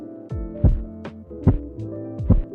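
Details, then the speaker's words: Korotkoff phase 3 via manual sphygmomanometer over the brachial artery: loud, regular knocking thumps about 72 a minute over steady background music. "in phase three allow knocking is hurt and it sounds like this"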